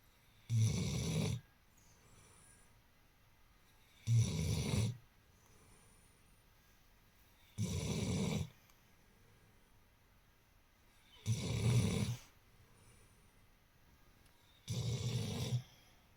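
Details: Snore-like sounds made while awake, something he does very often: loud, low, rattling snores repeating regularly, about 17 a minute, with quiet pauses between them; snoring.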